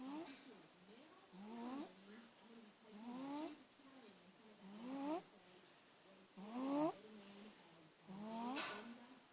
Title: Snoring Princess